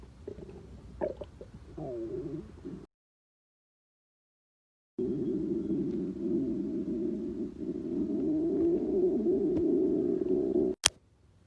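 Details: Staged, imagined scene of an office girl hungry before lunch whose stomach growls loudly at work: long, low gurgling and rumbling hunger stomach growls broken by a brief silence.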